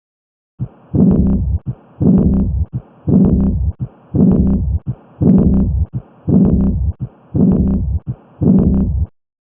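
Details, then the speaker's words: Aortic regurgitation murmur from abnormal closure of the aortic valve: regular heartbeat near 56 a minute with a blowing early diastolic decrescendo murmur. "this murmur is heard during diastole and is considered an early diastolic murmur it is represented pictorially with a decrescendo sound wave"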